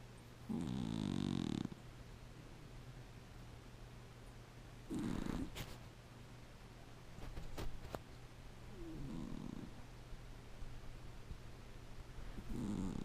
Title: rolledwide: gizmo snoring like my trees ( loud af )